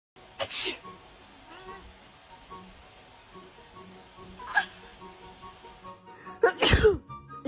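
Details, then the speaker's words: A person sneezing near their cat: sharp, explosive sneezes, one near the start and a louder burst near the end, followed by apologies, with soft background music; sneezing. "Sorry, I sneezed. Sorry. Come on, I'm sorry."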